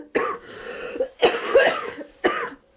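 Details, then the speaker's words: Podcaster recovering from a cold/flu bug coughing while talking: three harsh, throaty, somewhat congested coughs in quick succession; cough with a cold. "y, I'm going to have to wrap this up soon, because otherwise it's going to become a coughing podcast."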